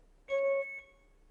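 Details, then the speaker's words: Single loud electronic beep, steady tone about half a second then fading: BD Alaris 8100 infusion pump alarm tested at audio adjust volume 5, the loudest, during training demonstration. "Audio adjust just turns the volume of the alarms louder or softer. Five is the loudest. You can test it."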